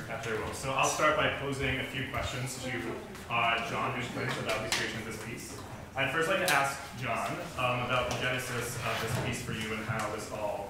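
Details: Adult man speaking; Normal voice.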